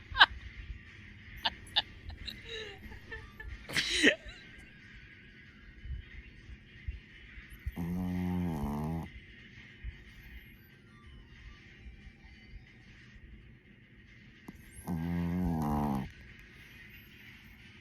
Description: when your furbaby snores louder than you. very deep sleep. feeling secured